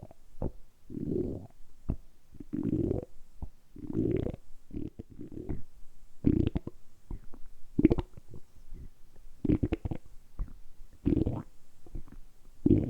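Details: Deliberately produced stomach rumbling (borborygmi) for ASMR, kept going for about ten minutes: repeated low gurgling rumbles and bubbling pops from the belly, ordinary harmless bowel sounds.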